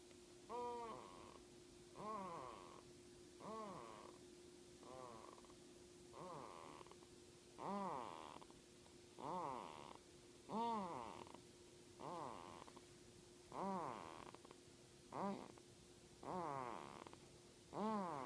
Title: Cute snore